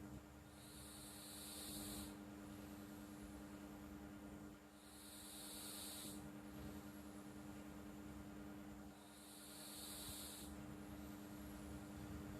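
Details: Sleeping cat snoring quietly: slow, soft hissing breaths roughly every four seconds over a steady hum; harmless snoring.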